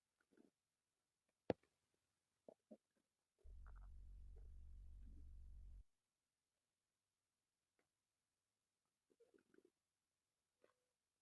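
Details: Male: a low, steady gurgling rumble lasting about two seconds, with faint squelches around it; ordinary stomach growling (borborygmi).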